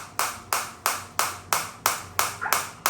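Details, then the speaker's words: Biotronix medical-grade focused (not radial) shockwave ESWT unit firing as the intensity is raised, which automatically lowers the pulse frequency: sharp, regular snapping pulses about three per second. "As soon as I increase the intensity, the frequency will get decreased because they are adjusting according to the patient."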